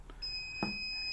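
A steady high electronic tone with a soft click: a defibrillator powering on once connected to mains power.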